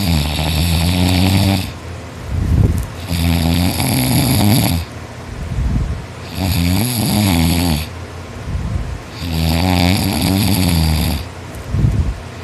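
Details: Boy asleep after a tiring day of extra-hard work, snoring non-stop; he notes he snores louder when tired. Loud, rough, sawing, rattling snores on each in-breath, about 19 a minute, quieter out-breaths between; snoring.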